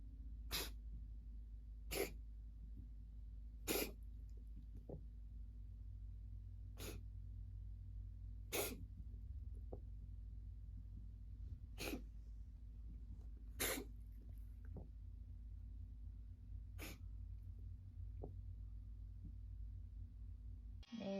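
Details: A cat makes about eight sudden, sharp snorting bursts roughly two seconds apart, reverse sneezing, not a hairball; usually harmless.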